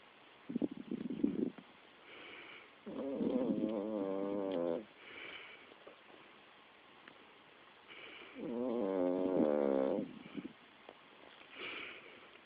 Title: 5 month old Shi Tzu snoring while he sleeps.